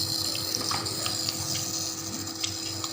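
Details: Nebulizer running for a baby with cough and cold who resists the treatment: steady mechanical hum with a constant airy hiss.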